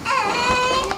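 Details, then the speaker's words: Newborn baby girl, born at home in a birth with meconium complications, crying at night: a brief, sustained high-pitched wail; mother tries to nurse her each time she cries; an ordinary newborn cry. "She was awake a lot more than I expected for a newborn. So, every time she cried, I wanted to try and nurse her."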